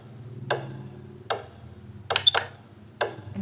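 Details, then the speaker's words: Simulated fetal heartbeat pulses from a BabyPlus prenatal education device placed below the navel on a pregnant abdomen; volume levels 1 to 16 go from soft to loud. Crisp ticking pulses at an irregular pace with a quick double tap. "Untuk suara detak jantungnya ini dari level 1 sampai 16, awal mulanya tuh suaranya pelan, terus lama-lama makin kencang."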